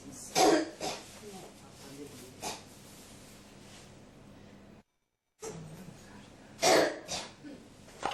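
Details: Persistent cough: repeated harsh coughs in two clusters with a short gap between them, in a quiet room.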